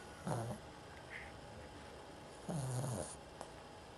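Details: Dog that sometimes has trouble breathing through her nose, causing frequent snoring in sleep: two low, rumbling snores about two seconds apart over quiet room noise.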